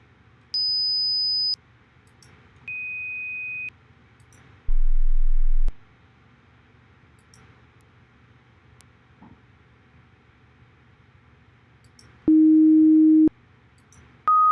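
Series of steady, one-second pure tones at changing pitches and loudness, separated by pauses over a low hum; simulated hearing test.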